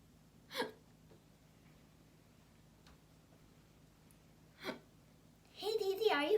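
Two brief, sharp catching sounds about four seconds apart, then a short vocal sound; fits hiccups.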